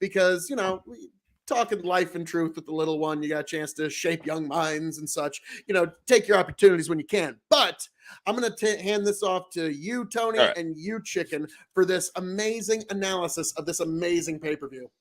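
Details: Adult man speaking; normal voice.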